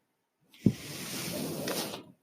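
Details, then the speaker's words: Mechanical ventilator breath: the speaker's own ventilator noise heard while they talk. "hello everyone my name is that noise earring is my ventilator and welcome to patron as they were not my Star Wars podcast today will be a brief podcast discussing Star Wars and the plan"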